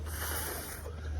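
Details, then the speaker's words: An adult with a weeks-long throat infection and acid reflux inhales through a Breather Fit breathing trainer with a harsh sucking hiss, using the cheek muscles instead of the diaphragm: incorrect inhalation technique (cheek suction). "and then she said with the Breather fit what I was doing is I was using way too much like suction in my face"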